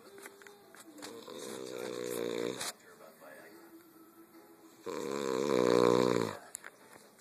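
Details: Person snoring: two long, loud, buzzing snores, the second louder and rougher, with quiet breathing and faint room noise between them.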